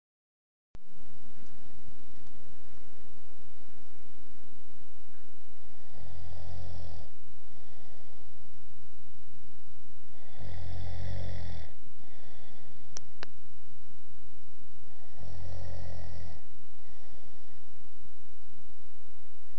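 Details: Snoring: three deep, rumbling snores about every five seconds, roughly twelve a minute, over a steady hum.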